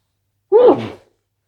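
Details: A single short, loud, voiced sneeze lasting about half a second; sneeze.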